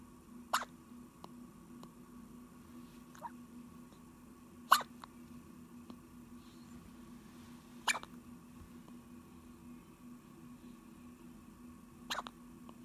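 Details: Hiccups in a 3-day-old baby girl: four short, sharp hiccup sounds about three seconds apart in a quiet room.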